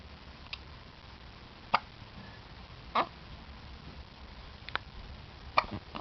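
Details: Two-week-old newborn baby: four or five brief, sharp hiccups at irregular intervals in a quiet room.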